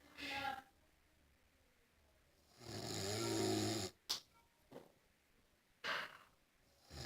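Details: Snoring: whistling, fluttering snore with a few short snorts and puffs of breath in a quiet room.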